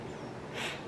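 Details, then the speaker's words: Dog sleeping, tired after a 5 a.m. dog park visit: faint, brief snorting breath noise over quiet room sound, dog snoring. "Sorry if you can hear my dog literally snoring right now. I don't even know why he's tired."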